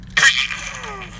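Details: Someone prompted to sneeze for a sibling: a single sudden, hissing burst of air that trails off into a brief voiced sound; one sneeze.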